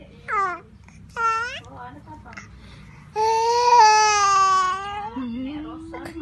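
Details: Infant fussing from a cough: short whimpering cries, then a longer wail, fussy, unsettled crying.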